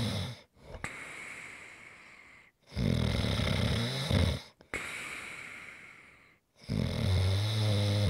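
Loud, rough snores on each breath in, with hissing breaths out between them, about 15 breaths a minute.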